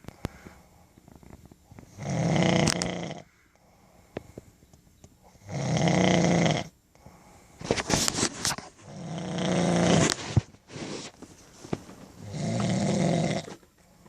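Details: Adult woman (wife) snoring: loud, rough snores on each breath in, about 17 a minute with quiet gaps between them; ordinary snoring.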